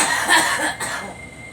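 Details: Cough: one harsh, breathy cough burst with a fading tail, followed by a short exhalation.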